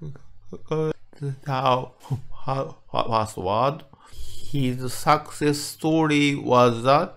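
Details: Medical doctor in Japan with developmental (childhood-onset) stuttering, giving a conference talk; word repetitions audible in the greeting; stuttering.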